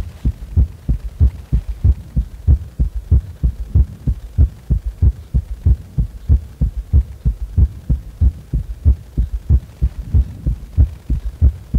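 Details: Normal heart sounds at rest, lying on the back: regular, steady low thumps at about 94 beats a minute.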